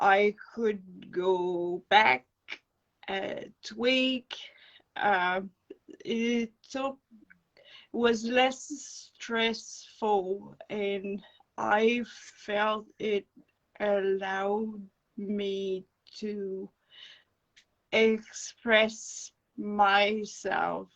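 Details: Adult woman with non-fluent aphasia after encephalitis and an anaesthetic-related brain injury; speech slow and broken, with dropped words when fatigued.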